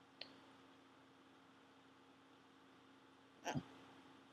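Two brief, sharp, soft hiccup sounds a few seconds apart in a quiet room; ongoing hiccups.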